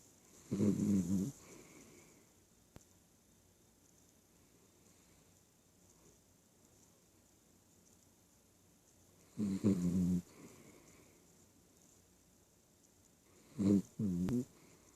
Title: snoring lol